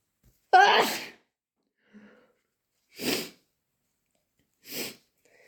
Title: Intense chhinkni sneezes and wet nose blows